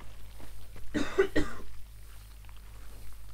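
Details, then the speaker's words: Two quick, muffled coughs from an adult gamer who moved away from the microphone, with faint room hum; his throat gets irritated from talking for long periods. "right back over here and i'm going to cough again i'm sorry i'm sorry you will hear this even even i'm going to move away from the mic"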